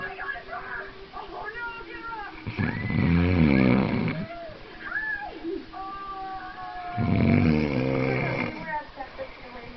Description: my bf snoring...loudly!!!